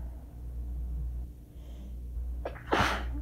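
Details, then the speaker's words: Allergy attack after waking from a nap, with several days of frequent sneezing: a quick intake of breath, then one forceful sneeze over a quiet room hum. "I've been sneezing so much over the past few days that I just didn't want to use paper towels anymore. Oh, and it just won't fucking stop."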